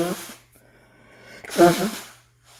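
A voiced burst, a pause with faint hiss, then a louder explosive voiced burst trailing off; a sneeze, with a low background hum.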